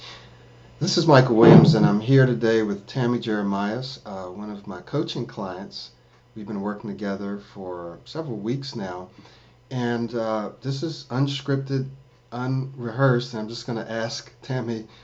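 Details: Adult man; typical speech.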